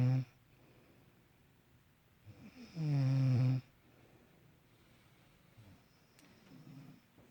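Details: Low, rumbling snores on the in-breath with quiet breathing between them in a still room; snoring.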